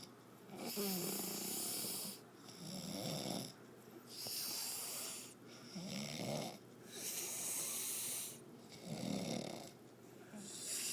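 Loud, rough rattling snores on each breath in, about five in eleven seconds, with quieter breaths out between them.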